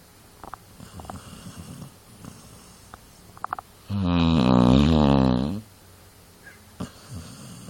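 One loud, rattling, fluttering snore lasting under two seconds, with quiet breathing and small room sounds around it. Dog snoring.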